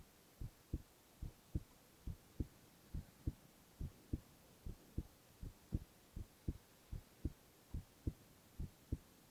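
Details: Male ASMR heart-sound recording with no talking: steady, regular heartbeat at about 70 a minute, each beat a soft two-part thump; normal heart sounds.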